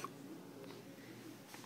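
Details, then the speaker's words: Dog gives two or three soft, abrupt hiccups about a second apart against quiet room noise; owner says this happens often and someone else hiccups at the same time; hiccups. "this is stella and her hiccups oh i know sorry and then look it over here somebody else has the hiccups"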